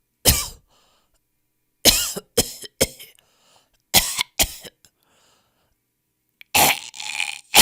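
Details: Compilation of people coughing in different styles: separate single barking coughs and short runs, ending in a longer throaty cough.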